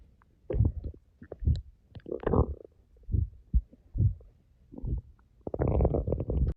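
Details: Stomach growling after 10 hours without eating: irregular gurgling and rumbling bursts from an empty stomach; borborygmi.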